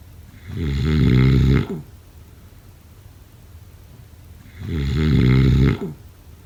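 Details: Two loud, rumbling snores on inhalation, about four seconds apart, with quiet exhalation between; snoring.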